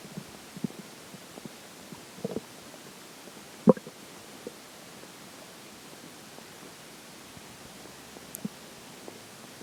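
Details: Faint scattered gurgles and low rumbles from the belly during digestion after a slice of pizza for breakfast and McDonald's for lunch; ordinary stomach growling.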